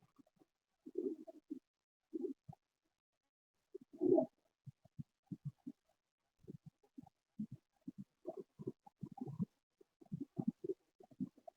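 Near-silent chest with only faint scattered clicks and rustles and no clear breath cycles, fitting decreased or absent breath sounds over a collapsed lung area.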